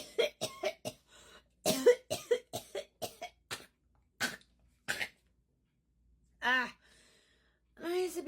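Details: Acted coughing fit from an adult woman recording a voice note: repeated short, harsh coughs ending in a brief voiced sound. Finding: coughing fit.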